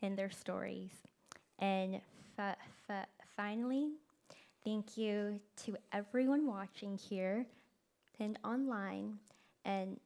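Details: Event co-host who stutters, speaking live; stuttering with prolongations, repetitions and blocks.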